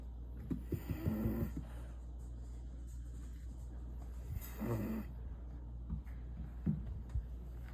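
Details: Snuffly, rattling snores with little snorts from Missy, a sleeping deaf female French bulldog, over steady low background hum.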